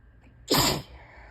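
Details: Single sharp, forceful sneeze after a quiet breath in, on a heavy allergy day with repeated tickly build-up sneezes while talking.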